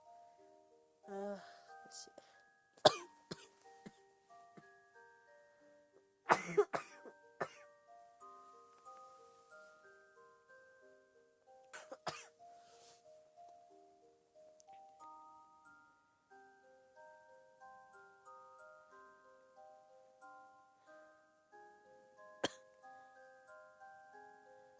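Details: A girl with asthma gives scattered coughs and throat clearing over a gentle music-box melody; asthma cough.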